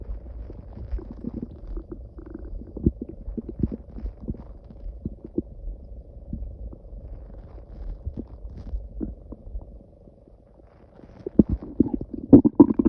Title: Loud growling noises